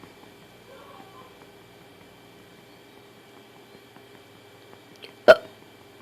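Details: One sharp, abrupt hiccup against quiet room noise from a baby girl during bottle feeding and burping, after about 4 oz of milk.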